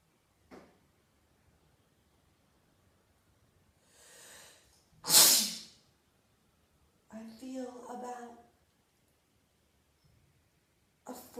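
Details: A single loud, hissing explosive burst after a quiet indrawn breath, then a brief voiced sound; a sneeze.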